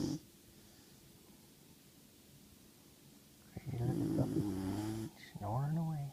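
Quiet steady breathing, then loud rumbling, fluttering snore breaths from a sleeping dog.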